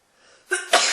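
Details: A quick indrawn breath, then a loud, explosive sneeze, after which the person says their nose hurts; sneeze.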